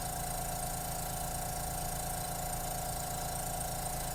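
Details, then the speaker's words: Steady motor hum with a constant tone and even whooshing from a suction machine switched on before tracheostomy suctioning, set to about five to ten: suction machine running. "come over here and turn on my suction and find him nothing connected to my catheter"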